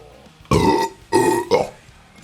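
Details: Burping compilation from a live game stream: three loud, rumbling burps in quick succession in a quiet room; belching.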